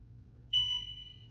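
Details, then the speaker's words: A single clear electronic tone over low room hum, slowly fading, as an ICU nurse zeroes the scale of an unoccupied hospital bed while setting up a room for a trauma admission; bed scale zeroing tone. "So we're gonna zero, last got zeroed yesterday, so we're gonna go ahead and zero it again today."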